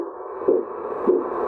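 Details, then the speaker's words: Simulated pulsus paradoxus: a volunteer breathes deeply through a narrow straw during cuff deflation. Two pulsed Doppler whooshes about 0.6 seconds apart over a steady hiss are Korotkoff sounds heard during expiration, which disappear on inspiration. "Yes, you can see when he breathes in. That means negative pressure is created. The sound disappears."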